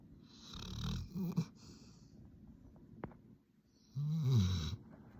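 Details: Loud snoring from a sleeping black Labrador dog, a noisy, rumbling snore; possibly dreaming.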